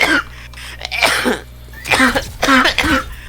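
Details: Several harsh, partly voiced coughs and throat-clearing bursts from a sick person over a steady low background hum; a cough.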